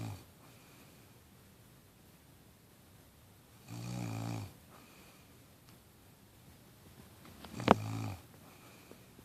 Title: snoring